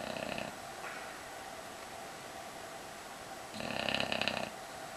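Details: Snoring while lying with her baby: two rough, fluttering snore bursts separated by a quiet pause over steady room hum.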